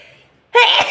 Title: more induced sneezing.